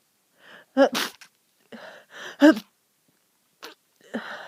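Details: Person ill with a bad head cold, stuffy and congested: several sharp, explosive sneezes in quick succession, each preceded by an indrawn breath; repeated sneezing.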